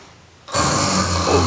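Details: Elderly man (grandfather) snoring in a comedy short: a brief quiet moment, then a loud, harsh, rattling breath held steady; heavy snoring.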